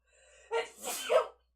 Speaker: and she sneezed behind me disgusting you Snee on me boy